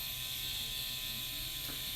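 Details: Steady high-pitched electric buzz of an electronic microneedling pen in use on a patient's face, with needle depth being dialled, with faint room hum.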